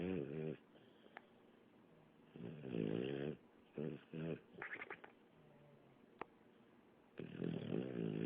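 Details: Sleeping female dog whose snoring the owner likens to sleep apnea: loud, rattling, groaning breath sounds in bursts with quiet gaps between.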